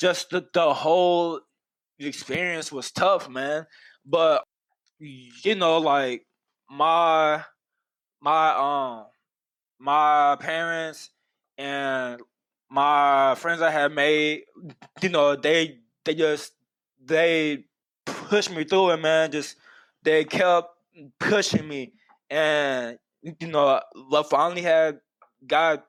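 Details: Adult man who has stuttered for as long as he can remember, with speech therapy from his first school year through his senior year of high school; stuttering.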